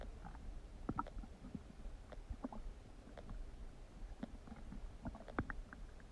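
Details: Huge stomach noises: low rumbling and gurgling from the abdomen with scattered squeaky, bubbling bursts over a steady low background; loud bowel sounds, borborygmi.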